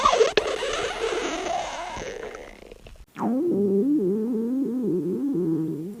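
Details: Stomach growling: a soft rushing noise, then a long, wavering, gurgling low whine from the belly as gas and fluid move through the gut.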